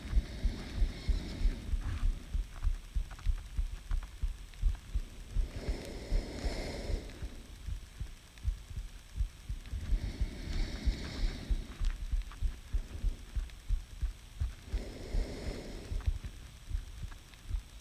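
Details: Self-recorded heartbeat taken by a partner, mainly heart rate rather than clear heart sounds; muffled regular beat with slow breaths, quickening on each inhalation, and the poster asks if normal: heartbeat varying with breathing (respiratory sinus arrhythmia).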